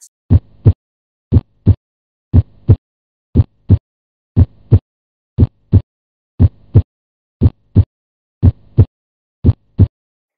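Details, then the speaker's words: Normal heart sounds in a teaching podcast sample: clean, regular lub-dub at about 59 beats per minute, with quiet gaps between beats. "so starting off this is the sound of a normal heart"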